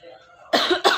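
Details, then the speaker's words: Simulated cough in a role-play dialogue: two quick, sharp, dry coughs after a brief soft voiced sound; the speaker says she feels sick, keeps coughing and has a headache. "I keep coughing and my head is killing me."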